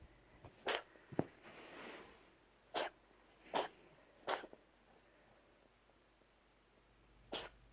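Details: A long, bad bout of coughing from a household pet; cough.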